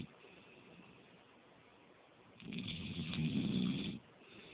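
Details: Adult asleep on the couch, said by a partner to snore: a single rough, rattling snoring breath over faint room noise.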